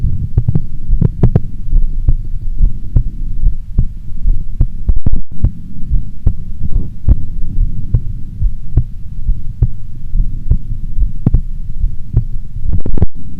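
Regular low thumps over a steady hum, about 70 beats a minute; a normal heartbeat at rest.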